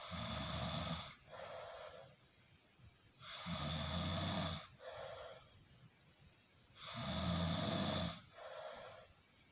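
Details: Snoring during sleep: loud rattling inspiratory snores with softer exhalations, about 17 breaths a minute, fairly regular.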